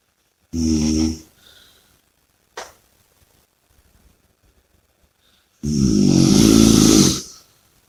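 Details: Two loud, rough, rattling snores with a quiet breath between them; heavy, noisy breathing during sleep, snoring.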